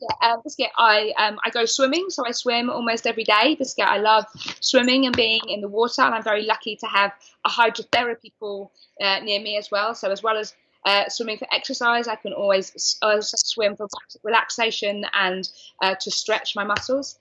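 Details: Adult woman diagnosed with Tourette syndrome at age 20, with involuntary vocal tics, most often the word 'biscuit'; vocal tics (Tourette syndrome).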